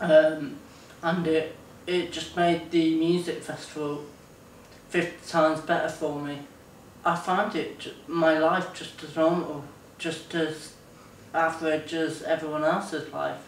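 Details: 24-year-old man with Friedreich's ataxia, diagnosed at 17, symptoms since about age 13; ataxia described as making speech slurred and hard to understand; ataxic dysarthria.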